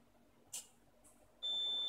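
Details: Wired eight-patient nurse call bell system with volume-controlled beeper turned down: two faint high-pitched chirps, then a steady electronic tone; nurse call beeper at reduced volume.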